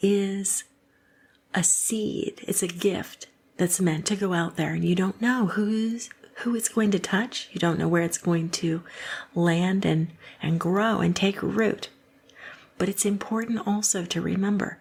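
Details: Adult speaker; fluent speech.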